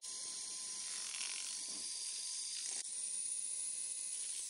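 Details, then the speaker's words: A ratcheting screwdriver drives locking bone screws into the distal femur during a knee disarticulation amputation in a male patient with CRPS: bright, rapid mechanical clicking whir with a brief break midway. "That's why I chose a locking screws in this case. You can use headless compression screws as well, but these are acting as strong bolts."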